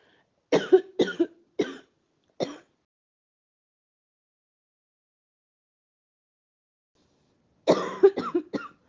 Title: Coughing